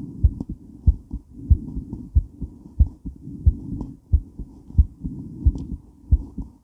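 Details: Female heart during and after weight training, recorded while moving: fast, pounding heartbeat near 90 a minute with movement noise and heavy breathing; exercise tachycardia.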